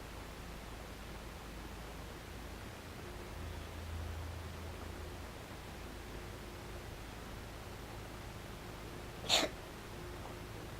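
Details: Cat coughing right after eating, owner suspects overeating: single brief sharp throat-clearing cough after several seconds of quiet room noise.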